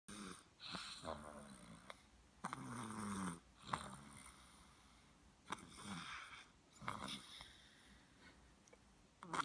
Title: snores